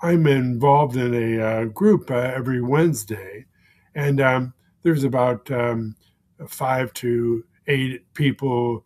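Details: Man with aphasia for more than 16 years following a stroke; aphasia.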